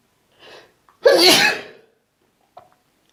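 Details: Sneeze induced with a Q-tip: a short breath in, then one loud explosive sneeze, with a small click afterwards; a single sneeze.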